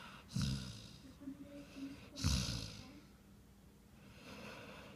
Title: Big Nose Snoring